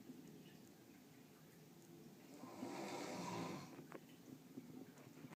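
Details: One rough, fluttering breath sound rises over quiet room noise, then fades, from a sleeper described as very loud. A single snore.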